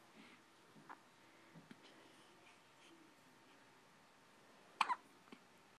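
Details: Baby with a bad case of hiccups: a quiet room with one sharp, sudden hiccup sound near the end.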